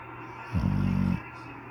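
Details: A pit bull sleeping on a couch gives one short, low, rattling snore lasting about half a second; snoring.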